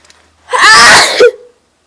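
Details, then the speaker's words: Person feeling very sneezy who has already sneezed about five times: one loud, explosive sneeze with a sharp in-breath before the burst, then a brief voiced tail. "hey guys um if you just heard those two loud sneeze I just did cuz I don't know if my camera was on but um I've been feeling really really Sneezy"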